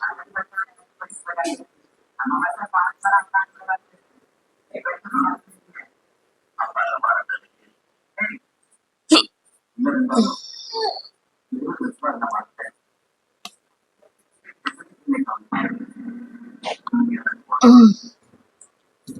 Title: Most requested hiccups video